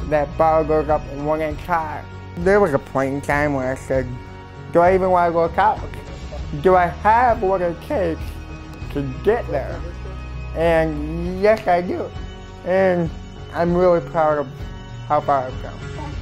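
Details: Male university freshman with cerebral palsy, noticed at about two months old, who is also hearing impaired, has worn hearing aids from a young age and lip-reads; family was told he might say only three words; dysarthria with hearing impairment.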